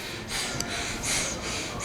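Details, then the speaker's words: Simulated asthma attack in a first-aid demonstration: harsh, gasping breaths in quick succession, laboured breathing. "Asthma is a respiratory tract condition where the respiratory tracts contract and the person finds it difficult to breathe. There's wheezing, which you can hear, and the person is irritable."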